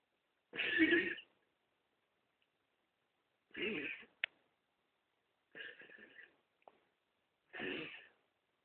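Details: A pet's morning cough: four short, hoarse bursts spaced a couple of seconds apart.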